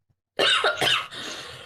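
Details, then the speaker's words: Two quick, harsh cough bursts from an adult woman, followed by a brief breathy tail; cough. "I have to cough, but I know y'all are gonna fucking hear it, and I don't want to."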